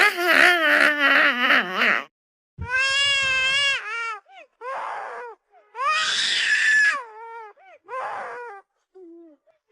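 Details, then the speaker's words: Infant crying from a sound-effect recording: repeated high-pitched wailing cries rising and falling in pitch, with short breaths between them. "IS YOUR baby crying? I'll make them stop."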